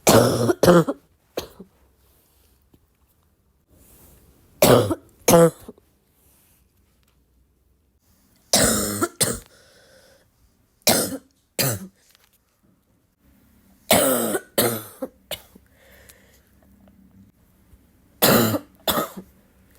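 Repeated deep, harsh coughs in short bouts of two or three, with a barking quality.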